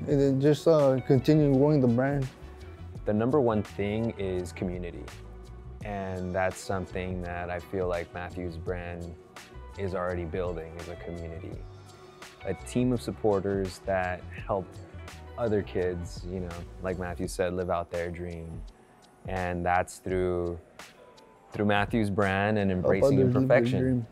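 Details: Adult male speaker; normal speech.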